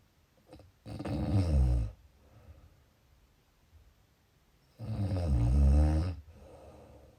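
Two long, low, rattling snores on the in-breaths, with quieter breathing between them. Snoring.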